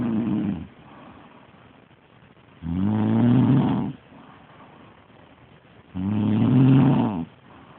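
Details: A woman snores with loud, regular rattling snores on each in-breath, about every three seconds, with quiet breathing between; ordinary snoring.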